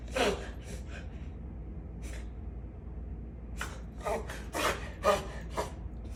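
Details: Dog coughing: a series of short, harsh, breathy cough bursts, a few early and then a quick cluster.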